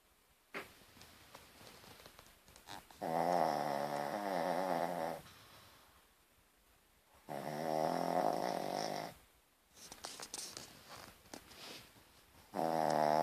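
Long, rhythmic, rattling sounds on each breath in, separated by quieter breaths out, about four seconds apart: a dog snoring.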